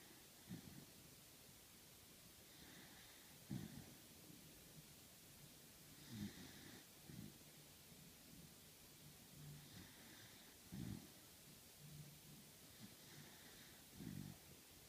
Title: Beagle snores lightly, and the world spins madly on